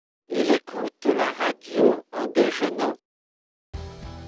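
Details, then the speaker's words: Computer-modified speech simulating what a cochlear implant transmits to patients: hissy, buzzy sentence "he listens to the radio while having lunch" with speech rhythm but no clear pitch. "donc là je vais vous faire écouter une version non bruite et d'abord et ensuite modifier informatiquement pour simuler ce que l'on transmet à aux patients il écoute la radio en déjeunant"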